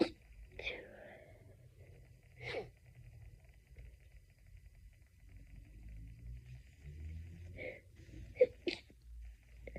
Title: stiffled sneezing fit edit loop 5 ½ minutes. #sneezingfit #stiffled #sneezing #achoo